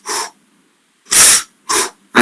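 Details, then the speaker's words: Spanish lecture on respiratory examination: a voice imitates normal breathing, a longer airy hiss in, then a shorter one out, inspiration described as long, expiration about a third; imitation of normal breath sounds. "Acuérdate que te dije que el ruido respiratorio es una la inspiración es larga es como una letra l es larga y es un tercio solamente la inspiración"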